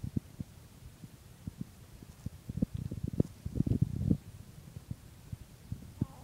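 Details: A morning heartbeat recorded at 6: soft low heartbeat thumps, partly masked by rubbing and handling noise midway.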